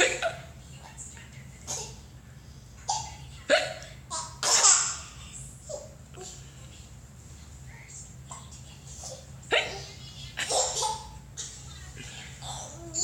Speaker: It's hard to stand up when you have the hiccups.